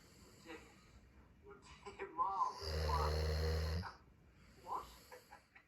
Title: snores through The Crown